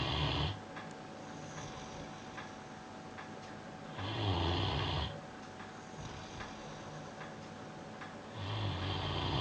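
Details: Snoozing on his bed, recorded May 2013: loud, low rattling snores on breathing in, about 14 a minute, with quieter breathing between and a faint room hum; snoring.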